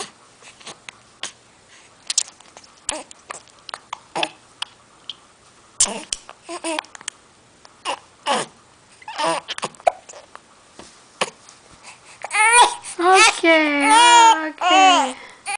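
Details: Baby with hiccups: repeated short, sharp infant hiccups at irregular intervals, then a brief fussy cry; the baby seems not to like the hiccups.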